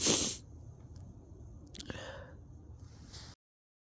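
A loud, sharp burst at the start, then quiet sniffing and a faint wet sound: a single sneeze.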